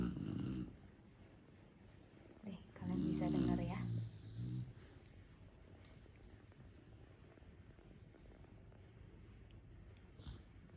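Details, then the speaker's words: Sleeping pet dog snoring: a few low rumbling snorts and a drawn-out groaning breath separated by quiet stretches. "Tapi anjing aku Jaguar itu ngorok guys kalau tidur."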